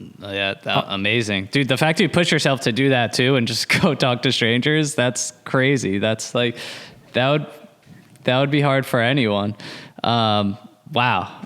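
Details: Adult man speaking; Normal fluent speech.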